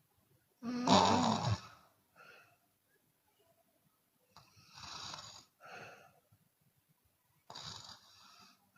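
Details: Open-mouth snoring in a sleeping Chinese woman, with occasional exhalation: one loud harsh snore then softer airy snoring breaths with audible exhales in a quiet room.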